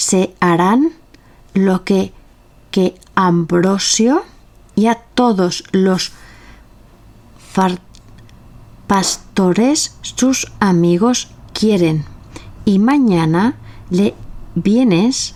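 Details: Real adult with aphasia after stroke or acquired brain injury, a member of a Spanish aphasia association, reading a classic Spanish literary text aloud in Spanish in a prerecorded reading; aphasia.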